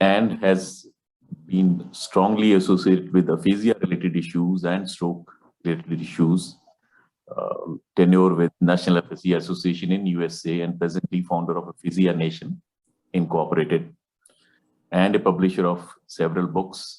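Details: Adult male speaker; normal speech.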